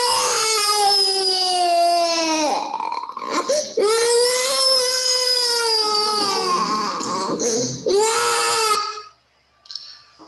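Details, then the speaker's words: Two-year-old boy with massive bronchial obstruction and wheeze unresponsive to salbutamol, ipratropium and prednisone: loud sustained crying in long wails; wheeze disappeared during and after crying without medication. "no vision more after the crying but it was a cry of body and soul without medication"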